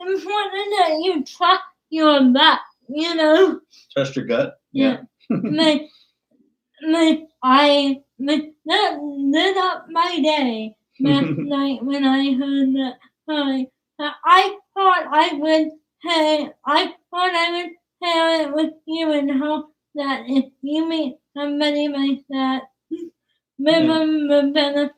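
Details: Dysarthria in a woman about to turn 20 with cerebral palsy; her speech is difficult to understand, and her father notes trouble with plosive sounds such as p and b.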